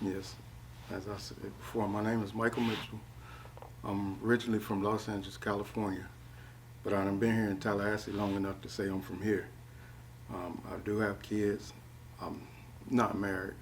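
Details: Adult man speaking; normal speech.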